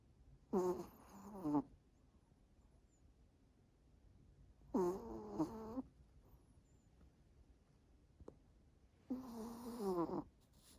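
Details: Sleeping dog, exhausted after a walk in the park and a vet appointment, giving three slow, rasping snores about four seconds apart, roughly 14 breaths a minute; snoring.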